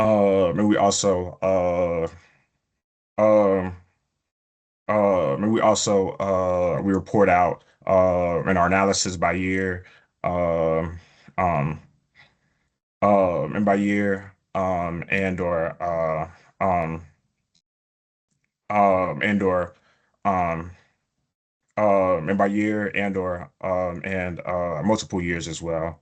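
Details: Stuttering in an adult male epidemiologist who says he stutters, with prolongations of words or sounds, blocks and repetitions.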